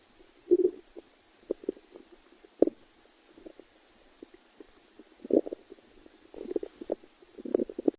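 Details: Stomach growling (borborygmi) from a badger: soft, scattered gurgles and short rumbling bursts over a quiet background.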